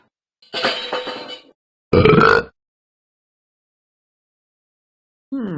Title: burping